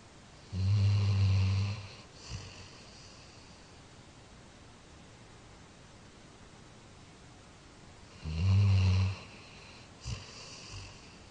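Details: 13-year-old Labrador sleeping and dreaming: two deep, rumbling snores about eight seconds apart, each followed by a brief soft exhale, in a quiet room; snoring.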